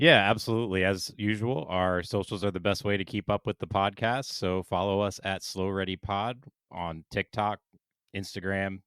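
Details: Adult man speaking; Normal voice.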